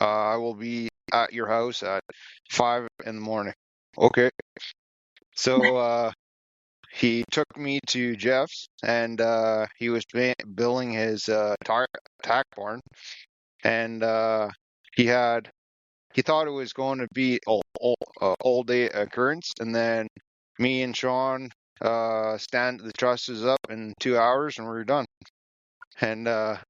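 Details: Aphasia after a massive stroke about a year earlier in a 34-year-old man, caused by a failing aortic valve, with right-sided paralysis; he relearned to speak and still has some difficulty forming words.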